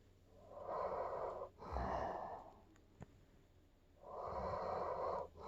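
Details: Two long, noisy, rasping breath sounds with a pause between them from an old dog asleep; snoring.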